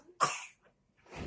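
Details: A single sharp cough, then the start of another breath or cough, from an infant girl after laughing hard: coughing from laughter.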